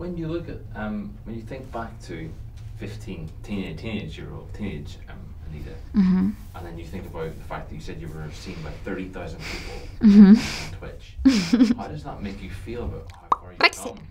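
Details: Adult male interviewer; normal speech.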